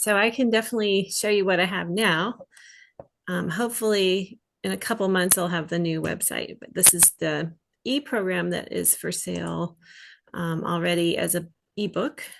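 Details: Adult woman speaking; typical speech.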